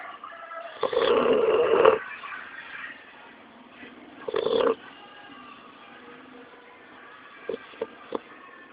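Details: 3-month-old pit bull puppy asleep and snoring loudly: rattling snores in two bursts, then quieter breathing and a few soft snorts.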